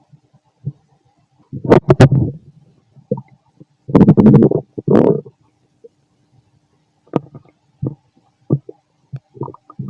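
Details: Fit male, stomach growling while digesting: loud, bubbly gurgles and rapid popping bursts from the belly; very loud ordinary borborygmi.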